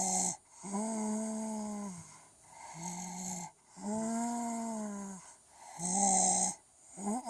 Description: has a cold and her snoring makes her sounds like ET. Poor sick baby!